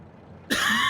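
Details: Adult who has had a cold for the last week: after a moment of quiet, a single abrupt, harsh cough burst.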